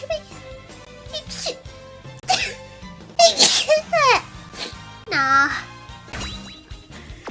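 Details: Streamer having bursts of sharp sneezes and short hiccup-like catching sounds, mixed with squeaky vocal sounds over background music. Hiccups and sneezes.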